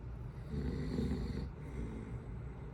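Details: Adult man (dad) snoring while asleep on vacation: low, rumbling snore on a sleeping breath, fading as the breath ends.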